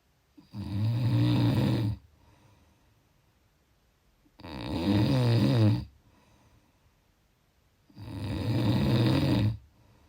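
Three deep, rattling snores on inspiration with quiet exhalations between, about 18 breaths a minute; typical snoring.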